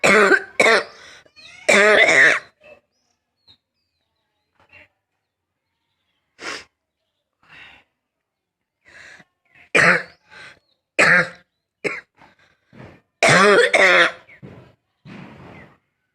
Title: Barky Cough (f)